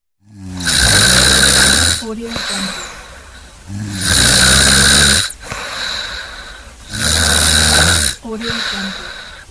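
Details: Stock sound-effect recording of snoring: loud, harsh rattling snores on each in-breath, about three in ten seconds, with quieter out-breaths; heavy snoring.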